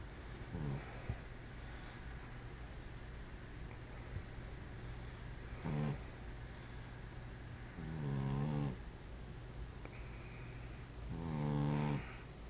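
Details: Slow, irregular rumbling snores with a buzzy, vibrating quality on each breath, roughly 18 a minute, over steady room hum; snoring.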